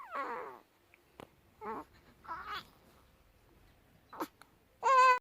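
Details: Newborn baby girl during frequent stretching episodes the mother first feared were seizures: short squeaky grunts and strained little vocal sounds separated by quiet pauses; normal newborn grunting while stretching.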